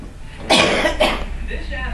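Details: Two short, harsh bursts in quick succession, consistent with a double cough, from a mother in heavy sleep who says she doesn't snore.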